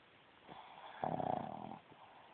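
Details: Sleeping Boston Terrier, a short-snouted dog, snoring loudly: one loud, rattling, fluttering snore between softer breaths.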